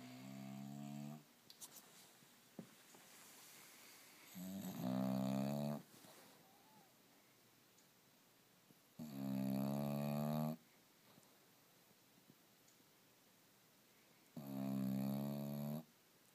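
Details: Bulldog recorded on an iPhone 4s: loud, rumbling, vibrating snores about every five seconds (about 12 breaths a minute) with quiet pauses between; snoring.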